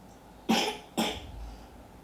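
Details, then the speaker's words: Young boy with a virus coughing: two short, harsh coughs half a second apart in a quiet room; he had been coughing all the previous night. "Now he's coughing towards you. But all last night, coughing right in my face."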